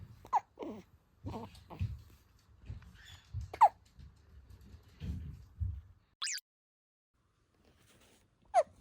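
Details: Newborn to 2-month-old baby hiccuping: three brief, sharp hiccup sounds over about nine seconds between soft infant grunts and breathing noises.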